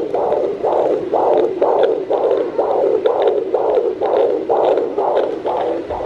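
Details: Fetal heartbeat heard at home with a handheld Doppler on the pregnant mother's belly: rapid, regular whooshing pulses at about 125 beats a minute.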